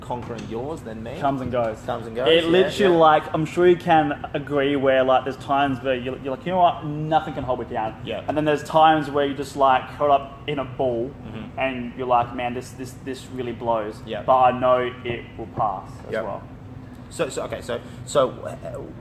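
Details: Adult male with stuttering including blocks; he left school around age 16 because of his speech.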